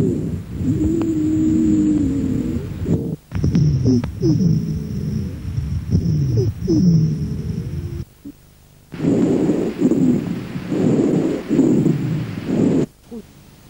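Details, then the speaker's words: Breath sounds with musical whistling and low snoring tones, mostly on breathing out, from bronchial obstruction: wheezes and rhonchi. "escuche a continuación las sibilancias y los roncus que son a predominio"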